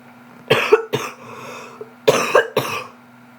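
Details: Two pairs of short, harsh coughs separated by a brief pause, each followed by a breath, from a sick 12–13-year-old girl in pain; a plain acute cough.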